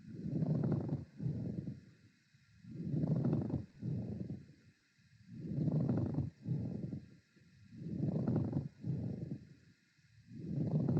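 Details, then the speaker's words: Coarse grating, creaking pleural friction rub with each inspiration and expiration, about 24 breaths per minute, characteristic of dry or fibrinous pleurisy; teaching recording from a chest pain semiology lecture. "En la siguiente diapositiva traje cómo se escucha un frote pleural que es característico de la pleuresía seca o fibrinosa."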